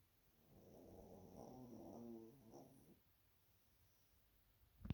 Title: Boo Boo McGee - the snoring watch dog